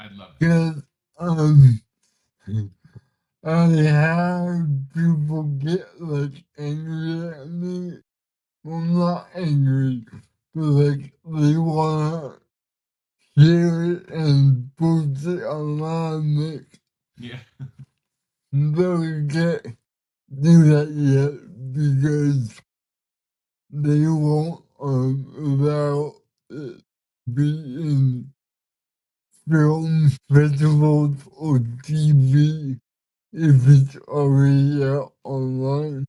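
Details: Man with cerebral palsy, speaking in a real conversation; dysarthria (cerebral palsy).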